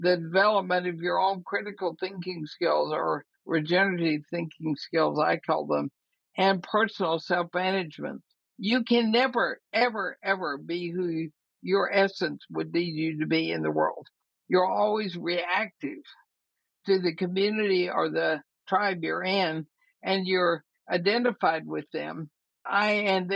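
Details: Woman about 80 years old with ALS (Lou Gehrig's disease), who says her speaking trouble is already considerable but she is still intelligible; dysarthria (ALS).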